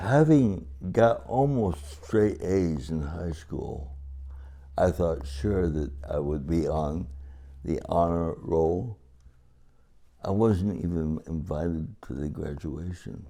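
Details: Adult man with cerebral palsy, described as talking and walking differently, married 57 years; dysarthria (cerebral palsy).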